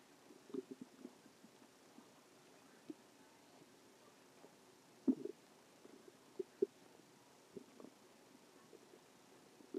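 Soft irregular gurgles and bubbling rumbles, about 40 a minute, in a quiet room: normal bowel sounds.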